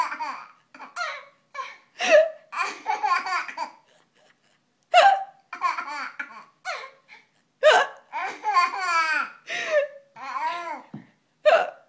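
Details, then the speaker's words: A mother has hiccups: sharp, abrupt vocal catches every few seconds, between bursts of a baby's high-pitched laughter and babbling. "hicups I can't help it I have the hicups"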